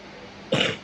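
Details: Young child who has had an ongoing cough: a single short, harsh burst after a quiet pause, a brief cough or throat clear.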